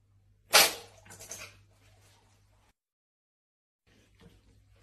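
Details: Animal, dog or cat, giving one forceful, explosive sneeze followed by a few softer snorting breaths, then quiet room noise.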